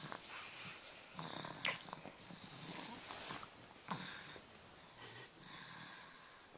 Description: Tsunami snores away the weekend